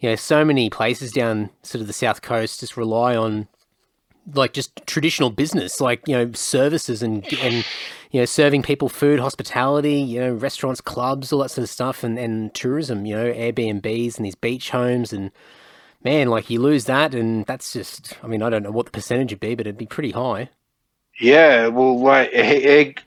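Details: Adult male speaker; typical speech.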